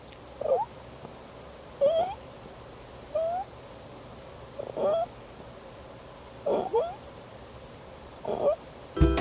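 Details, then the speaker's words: Mild inspiratory stridor in a baby: soft, high, rising squeaks from the throat and neck with each breath in. "ang pangalawang klase ng Halak sa lalamunan o tunog na maririnig sa leeg at lalamunan ng baby ay ang stridor ito ay maaari mong marinig bilang parang squeak sa kanyang lalamunan o sa kanyang leeg sa tuwing siya ay Hi nga na maaaring mahina lang"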